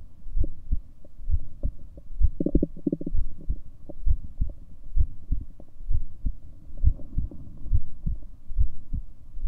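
Steady low thumping beats at about 65 a minute with a faint background hum: a heartbeat at a normal resting rate.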